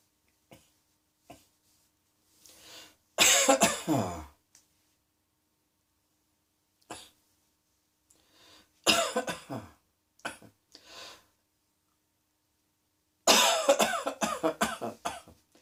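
Three bouts of harsh, repeated coughing separated by quiet pauses, with a few faint clicks and breaths between them.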